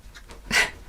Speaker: don't know if you could hear that but my dog's sneezing again